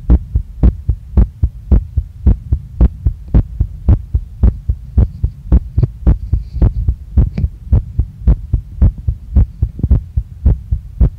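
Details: Female heartbeat recorded right after a workout, felt strongly in chest, neck, face and stomach with visible chest movement: fast, strong, regular beat at about 110 a minute over a low hum; rapid heartbeat after exercise.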